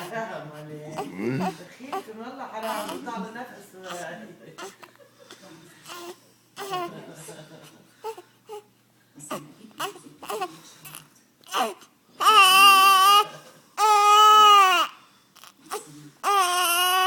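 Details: Infant with hiccups: fussy vocalizing that builds into loud, sustained crying bursts with breaths between them.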